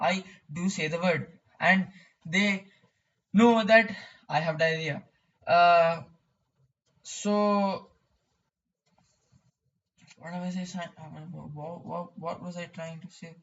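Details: Male who describes his own stuttering; stuttering.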